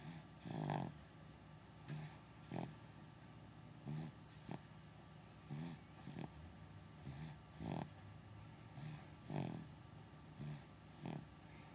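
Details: Dog snoring during a nap, as he does from time to time: soft, regular snuffling snores, about ten in twelve seconds, over steady room hum.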